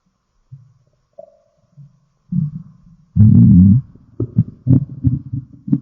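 Low gurgling and bubbling rumbles in irregular bursts, building to a loud growl. Ordinary stomach growling, or borborygmi.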